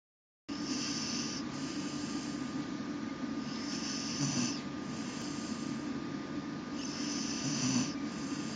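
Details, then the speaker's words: English Bull Terrier taking a loud nap in a laundry basket: snoring with rhythmic noisy breaths about every three seconds over a steady background hum. "Rook dog. You're snoring in my laundry basket."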